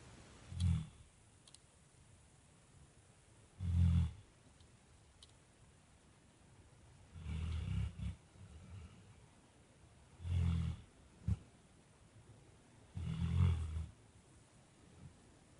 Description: Drako, 8 months old Newfoundland dog snoring.